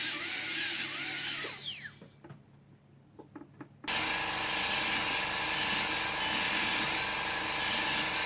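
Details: PFM crown preparation on the upper left canine: 170L bur reducing the incisal edge, steady high-pitched dental drill whine briefly stopping with a few clicks, then running again.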